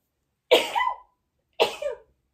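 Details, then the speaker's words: Adult woman sneezing twice during podcast conversation, each a sharp burst trailing into a short voiced tail; sneeze. "you hear how cute that sneeze is?"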